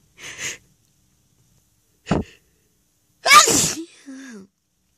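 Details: Sneezing fit: one small stifled sneeze, then a sharp burst, then a loud full sneeze with a brief voiced trailing sound, followed later by nose blowing.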